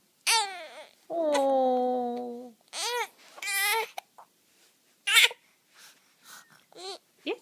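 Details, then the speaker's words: Infant hiccups: fussy infant cries and vocal sounds broken by short, sharp catches in the breath. "ah these hiccups just keep getting in the way don't they honey"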